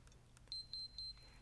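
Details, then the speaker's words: Flocare Infinity enteral feeding pump: three short, high-pitched electronic beeps in a quiet room as the start-stop key is pressed after setting the dose, a normal start signal. "Once you set the dose, press the start-stop key as before."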